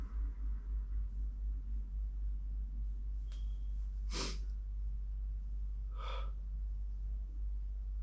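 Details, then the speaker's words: Sneeze from nose tickling; speaker unsure whether autumn allergies, ragweed or dust: sharp inhaled catch, short explosive burst and smaller second burst into a handkerchief, over low room hum. "It's really bothering my nose. Good thing I have my handkerchief. It's really. I think I'm gonna sneeze. Oh, it's all wet."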